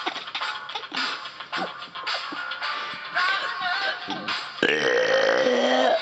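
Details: Voluntary burping performance over loud music: a series of short, rapid belch-like bursts followed by one long, sustained burp.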